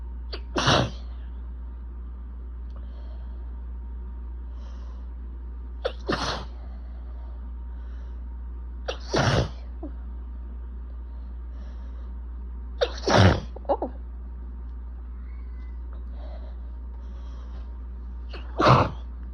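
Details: Allergic sneezing fit with itchiness and building nasal congestion: five forceful sneezes in under twenty seconds, each preceded by a sharp in-breath.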